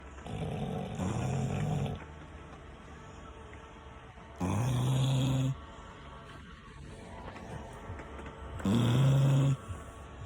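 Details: Sleeping dogs snoring: three long, rumbling snores, about fifteen a minute, over rain and faint background music.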